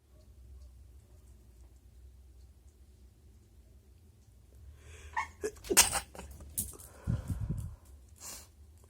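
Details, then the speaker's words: A few short, muffled sneeze bursts held back in nose and mouth in a quiet room; stifled sneezes. "It tickles my nose, but this needs just don't come out."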